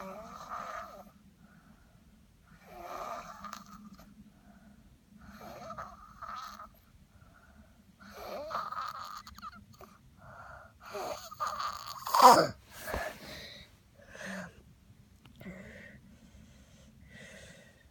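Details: Snoring during sleep, recorded for a doctor: rhythmic rattling snores about one every three seconds, with some louder snorting bursts.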